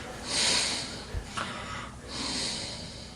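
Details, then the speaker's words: Recording of a sleeping man with obstructive sleep apnea: loud, harsh breaths with a brief snort as breathing resumes after witnessed apnea. "when you stop breathing okay stop breathing everybody when he stops breathing you can recognize how your heart is beginning to race how your blood pressure is rising"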